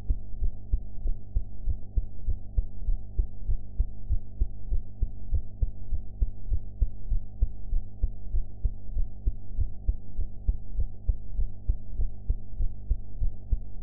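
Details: Own heart sounds recorded after eating ("blue"), audio quality enhanced afterwards: steady low thumping heartbeat at about 98 beats a minute over a constant low hum.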